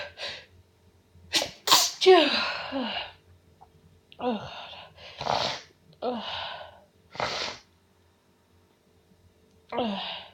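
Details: Nonstop sneezing: a rapid series of forceful sneezes, about seven in ten seconds, each with a sharp burst of air and voice; repeated sneezing.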